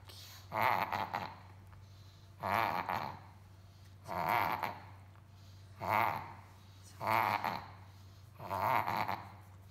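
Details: Pug puppy with repeated loud snorting, honking gasps; reverse sneezing, not in immediate danger but worse than normal and should be checked by a vet.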